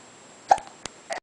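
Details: 3-month-old hiccuping with two or three brief, abrupt gulping sounds and short voiced catches in a quiet room; hiccups.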